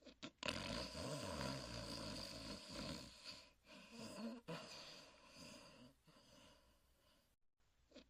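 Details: Snoring during sleep (part 2 of a sleeping-and-snoring recording).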